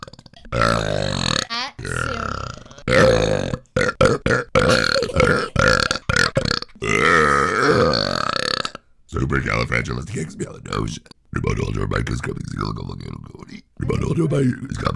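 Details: Repeated belching from an adult man (dad): a long run of loud, deep, rumbling belches one after another, with brief pauses between them.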